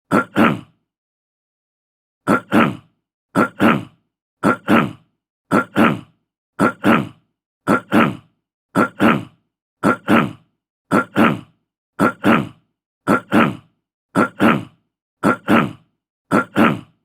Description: Description: Throat clearing sound. Clear throat, short, male, fifty year old.